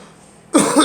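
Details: A person who mentions allergies, and a girl coughing: brief quiet room noise, then abrupt loud coughing bursts from more than one person.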